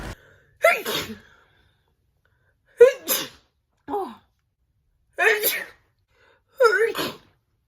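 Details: Five sneezes in a row, each a sharp explosive burst after a short intake, from a person who attributes them to hay fever with a cat nearby; repeated allergic sneezing.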